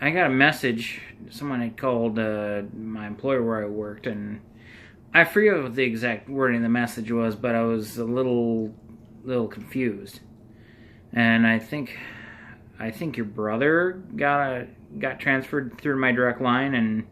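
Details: Adult man speaking; typical speech.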